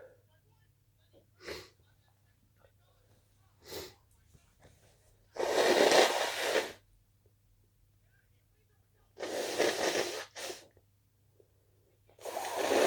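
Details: Three loud, explosive sneezes, each preceded by short, quiet in-breaths, in a quiet room.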